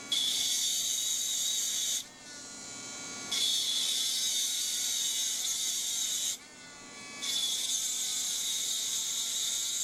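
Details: Dental lab: high-pitched grinding whine in long bursts with brief pauses as a handpiece with an aluminum oxide separating disc cuts the sprues off sandblasted cast metal crown copings.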